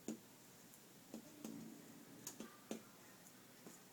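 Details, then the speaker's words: Sharp, hollow finger-percussion taps during an abdominal assessment of a female patient give a tympanic note over the lower quadrant, as expected over gas-filled bowel: tympanic percussion note. "I do concentric circles but you do need to cover now she's tympanic"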